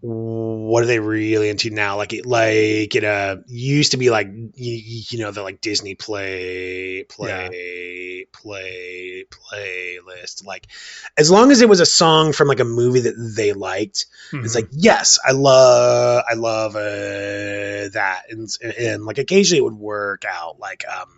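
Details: Adult male father who describes himself as having a stutter and speech issues; repetitions and fillers heard; stuttering.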